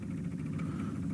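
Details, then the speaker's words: Infusion pump motor during a volume test with a flow analyzer: an older B. Braun Outlook 100 piston-and-cassette pump, flow rate averaging about 119, 4 mL delivered; short steady low hum as it makes one delivery push. "this older B braon pump actually has um a piston and a cassette that it uses to deliver the fluid uh whereas the newer pump that we see on top here uses a peristaltic uh finger mechanism"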